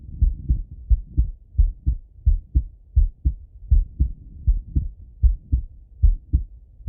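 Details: Male heart auscultated with a stethoscope, recorded partly sitting at a desk and partly lying in bed: regular lub-dub about 80 a minute, clear first and second sounds; normal heart sounds.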